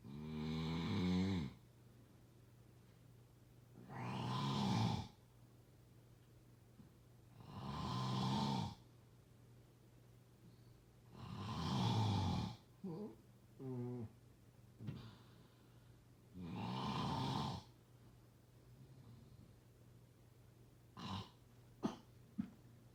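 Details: Loud rattling snores repeating every few seconds, about five heavy cycles, over a steady low room hum: snoring.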